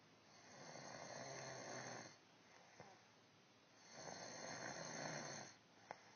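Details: Ordinary snoring in a quiet room: two long, rough, rattling snores on the in-breath, separated by quiet pauses with faint clicks, from a sleeping woman who claims she doesn't snore.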